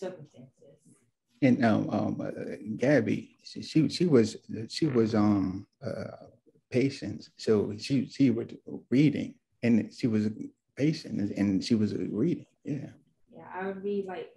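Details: Adult man, two years after a left-brain stroke with multiple clots, with word-finding problems; real stroke survivor; aphasia.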